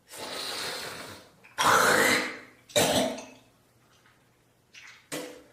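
Several loose, harsh coughs and throat clearing with hawking, consistent with a productive morning cough bringing up phlegm.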